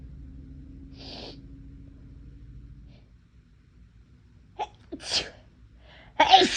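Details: Deliberately induced sneezing on a day of unusually sensitive, itchy nose: quiet room noise, then a few sharp in-breaths building to one forceful, explosive sneeze.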